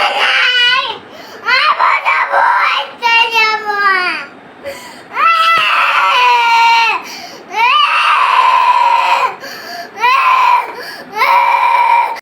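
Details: Young child crying at night (about 9:30) after being refused an outing, loud drawn-out wails separated by sobbing breaths, in a small room.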